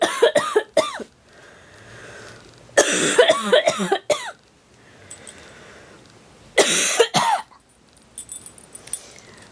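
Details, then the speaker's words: Adult with hay fever and allergy to ragweed, which improves with Benadryl: three bouts of harsh, voiced chest coughing, about ten coughs in total; allergic cough. "Yeah, that's hay fever. I'm not sick. I haven't lost my voice or anything. It's a chest cough."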